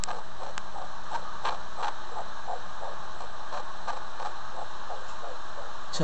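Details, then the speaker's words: Fetal heartbeat at 11 weeks of pregnancy (second baby) heard on Doppler ultrasound: rapid, soft whooshing pulses about 160 a minute, a normal early fetal heartbeat. "can we hear the heartbeat we will okay okay yeah let's see the Habit first yeah see the heart beating"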